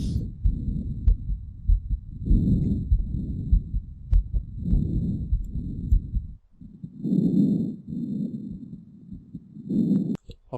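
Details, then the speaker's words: Normal vesicular breath sounds through a stethoscope on the chest, usually heard at the chest periphery: soft, low-pitched rustling, inspiration longer than expiration. "ya Jadi kalian coba dengarkan fase inspirasinya itu lebih panjang dibandingkan dengan fase ekspirasi jadi dia menurut nafas bunyi-bunyinya lebih panjang lebih pendek"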